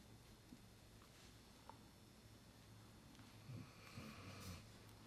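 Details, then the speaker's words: Faint, low rumbling snoring from a sleeping dog in the background against quiet room noise, described as snoring like crazy. "My apologies if you can hear my dog snoring like crazy in the background."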